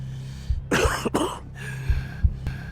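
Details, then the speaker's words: Adult smoker's cough: two or three harsh, rough coughs, with a steady low hum and faint music behind. "seorang perokok tidak hanya menandakan rusaknya paru-paru. Batuk seorang perokok adalah tanda rusaknya seluruh tubuh."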